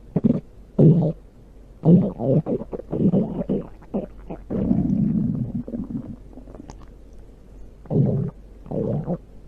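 Loud, low gurgling rumbles in bursts from the belly, typical stomach growling from gas and fluid moving through the gut.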